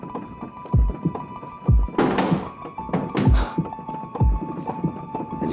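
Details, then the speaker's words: Deep regular thuds about 24 a minute with hiss bursts and machine tones: a donor transplant heart beating inside a portable organ care perfusion device, perfused with oxygenated blood and monitored. "i hear this i hear something going on is there an actual heart in here there is a beating heart in here can you take a look"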